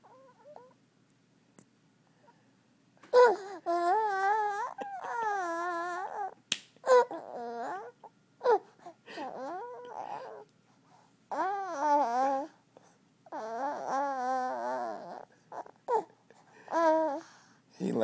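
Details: Four-month-old baby asleep, making noises while sleeping: repeated high, wavering, tonal cries and whimpers in a quiet room, consistent with crying vocalizations.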